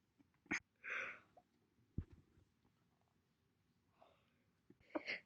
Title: My Single hiccups throughout the entire months January 1st, 2021 to April 30th, 2021